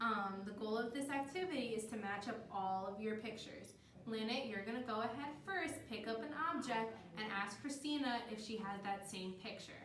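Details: Adult female clinician; typical speech.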